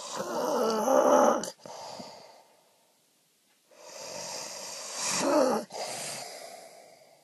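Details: Adult man caught snoring by his wife: two loud, rough, rattling snores separated by a quiet pause, each ending abruptly; heavy snoring.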